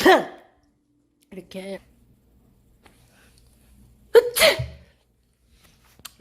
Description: Cute girl sneezing - Asian sneezes part 1.